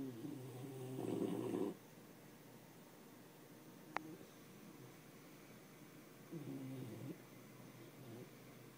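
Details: Small dog asleep in the owner's lap with his neck across the owner's arm, snoring, which the owner says is surprisingly loud. Soft, short rattling snores on the breaths, with quiet gaps and a brief click; dog snoring.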